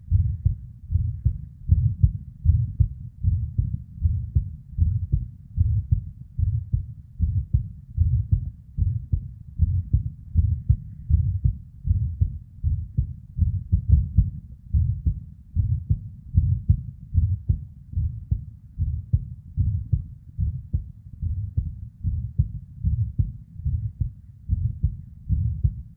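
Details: Irregular heartbeat of a female with PVCs/ectopic beats and a murmur (blood flow sound): deep, muffled beats around 77 a minute, unevenly spaced by early extra beats, with soft whooshing.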